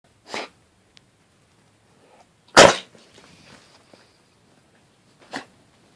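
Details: A Labradoodle sneezing: three sharp nasal bursts, the middle one loudest, with quiet snuffling in between; typical dog sneezes.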